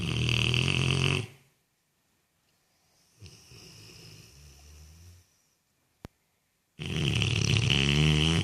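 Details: Sleeping dog snoring: loud, deep rattling snores with quiet pauses between them and a softer fluttering breath in the middle.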